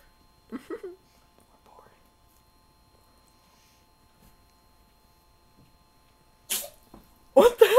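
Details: Sleeping cat poked, then sneezing: quiet room with a few faint sounds, then two sharp, explosive sneezes close together near the end.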